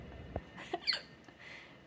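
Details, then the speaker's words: Man's sharp, abrupt hiccups in a quiet room while watching TV, followed by his pet parrot's chirping whistle; the parrot's eyes pin at the sound; ordinary hiccups. "when I hiccup uh it makes his eyes go uh Freedom what is it called a pairot SI go in and out it's called pinning"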